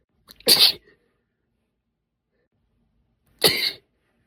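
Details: Two sharp, hissy sneezes a few seconds apart, deliberately induced, usually by poking inside the nose with a tipless cotton swab stick or a slender spray-bottle dip tube.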